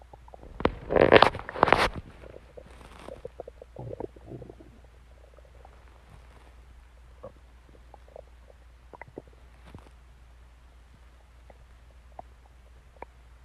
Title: Stomach Growling Sounds